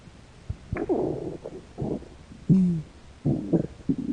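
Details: Stomach growling (borborygmi) from hunger in a hungry American woman: several short, squeaky, gliding gurgles and growls from the belly.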